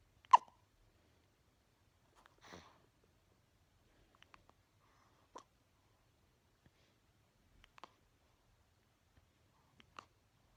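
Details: Hiccups in a 4-day-old newborn: six short, sharp catches about every two seconds in a quiet room.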